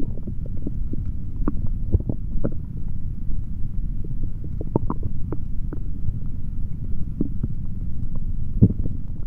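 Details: Male stomach growling recorded through a stethoscope after drinking a chocolate protein shake: low continuous rumbling with frequent short gurgles and pops; ordinary active bowel sounds.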